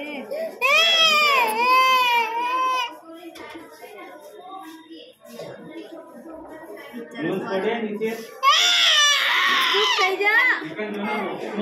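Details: A baby girl cries loudly in high-pitched bursts around an injection, with quieter adult talk in between.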